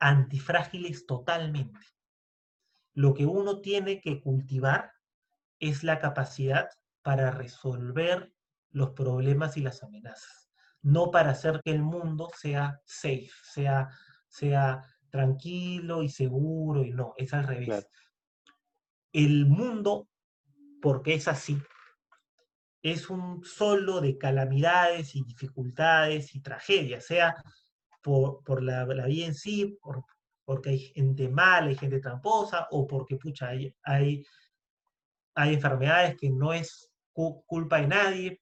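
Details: Stuttering in a Spanish-speaking man who identifies himself as a person who stutters, speaking in a podcast conversation about stuttering.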